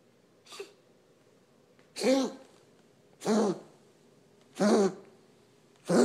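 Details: Pet's coughing spell recorded for veterinarian review: a run of harsh rhythmic coughs about one every 1.3 seconds: cough.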